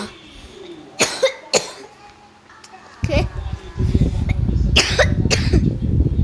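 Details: Speaker apologizes for coughing while narrating a game: a few short, sharp coughs, possibly from a child, with a rumbling background noise later.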